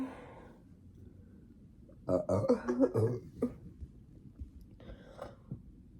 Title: burp compilation